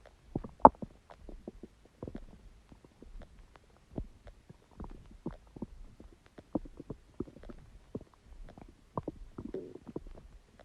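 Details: Frequent irregular gurgles, clicks and short rumbles from a person's own belly, typical of active bowel sounds (borborygmi).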